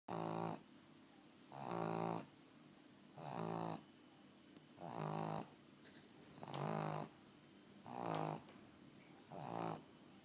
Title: Cute pug snoring